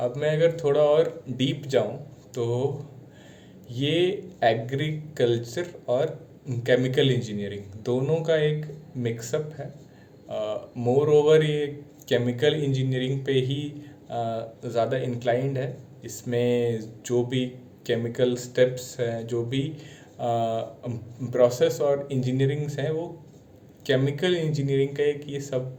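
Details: Adult man practising speaking while standing up as part of a stammering challenge; sound repetition heard on a word; stuttering.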